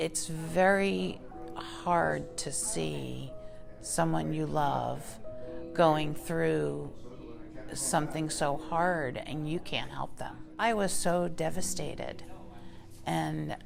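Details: Adult woman speaking; normal speech.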